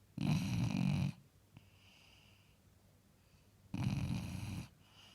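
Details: Two loud, deep, rattling snores from a sleeping basset hound, each about a second long, with quiet breaths between.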